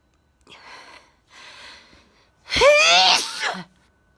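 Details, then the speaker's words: Deep, forceful single sneeze (felt coming on, described as from the lungs) recorded late at night on a mobile phone: two sharp in-breaths, then one loud explosive sneeze with a drawn-out voiced tail. "oh this sneeze is really deep from my lungs probably woke the neighbors again"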